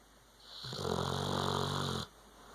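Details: Pit bull: a single deep, rumbling, vibrating inhaled breath lasting over a second; snoring.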